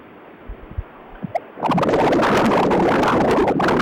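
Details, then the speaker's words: Transcranial Doppler after agitated saline injection with Valsalva maneuver: a few isolated chirps, then a dense continuous roar of countless microbubble signals, a curtain shower of more than 300 bubbles, grade 5, far more than at rest; PFO testing. "As you can tell, in comparison to the resting study, there are a lot more bubbles. This is what we call curtain shower, greater than 300, grade 5."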